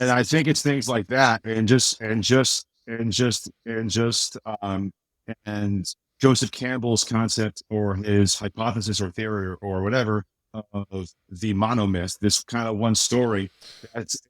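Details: Adult man with a speech impediment since childhood, much worse then and greatly improved now, still slightly audible; repeated words and fillers; speech disfluency (mild residual speech impediment).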